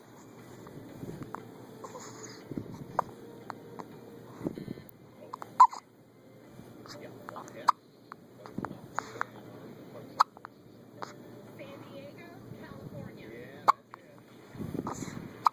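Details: A 1-day-old baby with hiccups: short, sharp, repeated gulping hiccups at irregular intervals, with faint background sounds.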